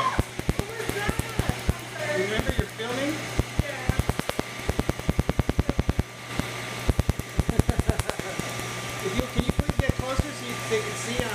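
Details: Rapid snapping laser pulses in fast runs over steady machine hum with talk and music, during first laser tattoo removal treatment on a man's neck (collar tattoo), under one minute.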